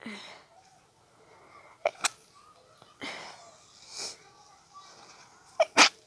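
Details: Stifled sneezing fit from allergies after a nasal tickle: a run of several sharp, muffled sneezes with quick inhalations between them.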